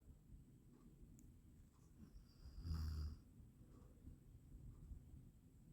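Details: Eight minutes of continuous snoring, presented as a sound effect recording: snoring.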